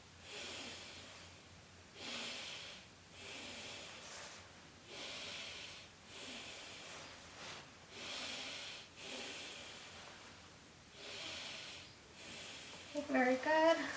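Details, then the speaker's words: Stethoscope on the posterior chest of a male patient taking deep breaths during a physical exam: soft, even breaths, about seven cycles, no wheezes or crackles, lungs clear; normal vesicular breath sounds. "sounds are clear to auscultation"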